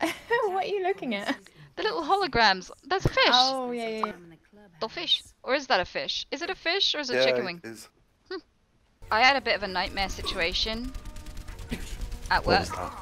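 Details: Female streamer with Tourette syndrome during a live stream; involuntary vocal tics including swearing and phrases; Tourette syndrome vocal tics.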